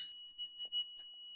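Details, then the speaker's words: Steady high-pitched continuous tone from a manual ZOLL defibrillator charged to 75 joules, signalling full charge before synchronized cardioversion, staff told to stand clear and remove oxygen source; defibrillator charged tone. "А після того нам треба набрати власне струм тобто зарядити чуємо знову ж таки зміна звуку просимо колег відійти забрати джерело"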